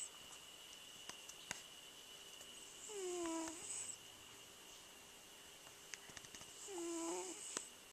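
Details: Sleeping cat snoring: two soft, squeaky, whistling snores about four seconds apart, roughly 16 breaths a minute, with faint clicks and room noise.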